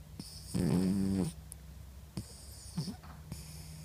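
One loud, low, buzzing snore on an in-breath, then soft snuffles and quiet breathing; a sleeping animal snoring.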